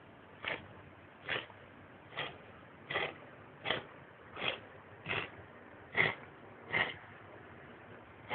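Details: A dog makes about ten rapid, noisy snorting inhalations in a steady run: reverse sneezing.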